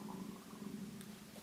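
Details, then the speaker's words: Hungry adult woman before lunch: low, continuous gurgling rumble with a steady groaning tone, loud stomach growling (borborygmi). "i'm using it for the first time boom my stomach's really rumbling i'm really hungry"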